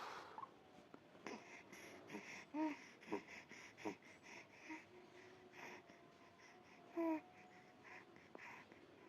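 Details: Baby (Dean) with bronchopneumonia: very laboured, noisy breathing with snoring-like "grok-grok" sound present even when awake; dyspnoea, breathing not yet relieved.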